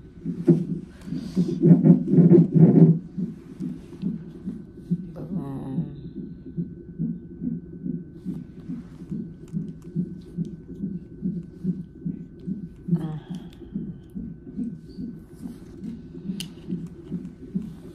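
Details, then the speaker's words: Fetal heartbeat on a hospital Doppler fetal monitor in labor and delivery triage at 34 weeks of pregnancy, with the mother in sharp pain and pressure and possible labor: steady whooshing thumps about 130–140 a minute, described as very good and strong, with rustling. "look at hear the heartbeat they got me on the [Music] monitor"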